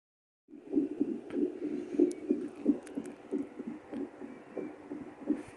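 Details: A home fetal Doppler bought during pregnancy, connected to a speaker, picks up a young child's own heartbeat: rhythmic whooshing pulses at about 90 a minute.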